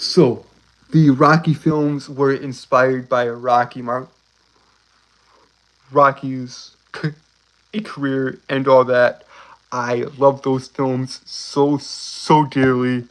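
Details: Male speaker with a self-reported, uncontrollable speech impediment, worse on s-initial words and when excited; stuttering.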